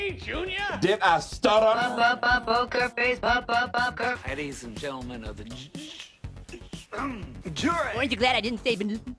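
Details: Comedian who stutters, speaking in a podcast monologue; stuttering with audible word repetitions.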